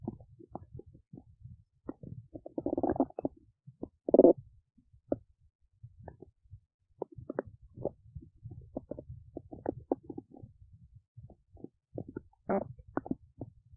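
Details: Ordinary digestive bowel sounds from an adult woman's belly while digesting oats: scattered gurgles and rumbling pops with a few louder rolling bursts.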